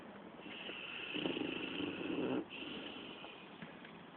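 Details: Snoring recorded June 2010: a rumbling, rattling snore with a breathy, hissing edge, rising and fading over one breath, against steady room noise.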